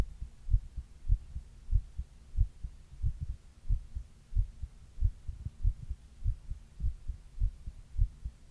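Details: Adult's own heartbeat recorded over 28 minutes while reading, with a 102-degree fever during part of the recording: steady low paired beats at about 95 a minute with faint background hum, ordinary heart sounds.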